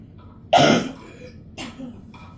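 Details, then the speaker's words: An adult with a lingering deep cough gives one loud, harsh cough followed by a softer second cough. "I'm still battling with a deep cough, so you'll hear me have moments of coughing."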